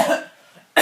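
Two short, harsh acted coughs from a child, the first fading out and the second starting abruptly at the end: a dry, explosive cough.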